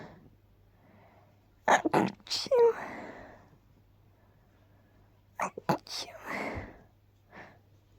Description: I tried to stifle my sneezes with a little "choo" sound at their ends.. it mostly worked 🤭